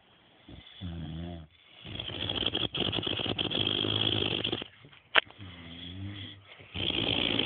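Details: Two people snoring in sleep: loud rough snoring, harsh noisy breaths alternating with lower rattling tones over a few cycles; ordinary heavy snoring.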